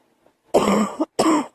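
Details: Young female coughing: two harsh, loud cough bursts in quick succession.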